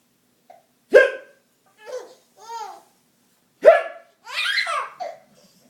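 Two sharp, abrupt voiced hiccups, each followed by brief laughter; typical involuntary hiccups.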